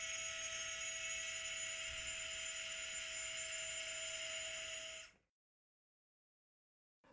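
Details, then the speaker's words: Anterior-approach ankle arthrodesis on a model: steady high-pitched power driver whine for about five seconds, then stopping, inserting the third, posteromedial guide wire through a tissue protection sleeve for a 7.3 mm cannulated screw. "once the tissue protection sleeve has been introduced the third guide wire can be inserted"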